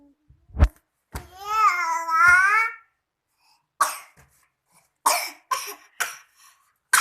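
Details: Child coughing while studying and then laughing: a drawn-out voiced sound, then about five short, dry coughs in a quiet small room.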